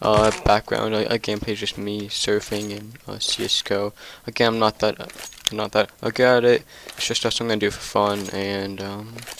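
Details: Male who stutters in nearly every sentence, with onset around second or third grade and severity varying over the year; stuttering.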